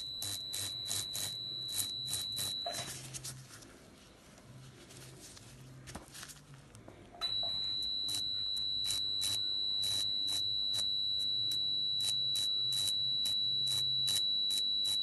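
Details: Electrosurgical unit removing a seborrheic keratosis under local anesthesia: high steady beeping tone with crackling bursts, pausing briefly then resuming. Electrosurgical unit tone.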